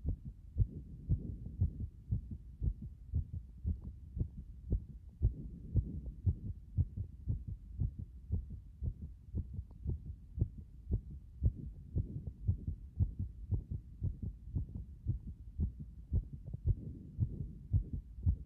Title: 圧迫後の心臓の状態